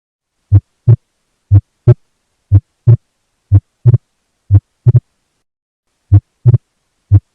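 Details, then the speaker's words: Physiological splitting of S2, aortic valve closing slightly before pulmonary, more prominent on inspiration: regular heartbeat near 60 a minute, second sound splitting into two close taps on some beats. "a divisão de S2 resulta do fechamento da válvula Ótica ligeiramente antes da válvula pulmonar e isso é mais proeminente na inspiração"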